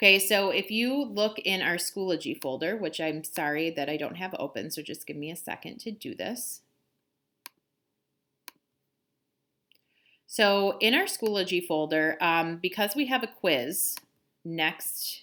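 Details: Adult speaker; normal speech.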